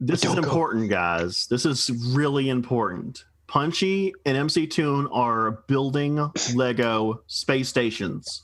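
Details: Adult man speaking; normal voice.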